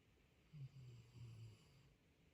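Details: Snoring at 4 am keeping the listener awake: one soft, low, rattling snore on an in-breath in a quiet room at night.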